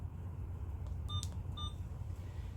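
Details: Alaris IV infusion pump being programmed for primary tubing with a 1,000 ml bag in a demonstration: two short high beeps over a low room hum; IV infusion pump keypad beeps.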